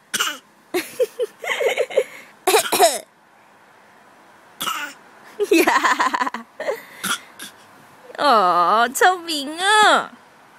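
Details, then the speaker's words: Infant nearly 8 months old, asked whether he can imitate a cough, makes several short, breathy voluntary fake cough-like bursts, then babbles with a clear voiced sound. "你会咳嗽吗？你会学咳嗽吗？"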